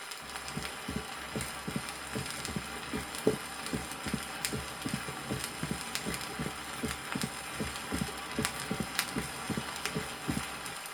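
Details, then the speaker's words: Mitral stenosis at the cardiac apex on a 1963 teaching record: regular heart sounds at about 76 a minute with an extra early diastolic opening snap, the quail rhythm. "на верхушке сердца при митральном стенозе выслушивается так называемый ритм перепела эта мелодия обусловлена появлением в протодиастолический"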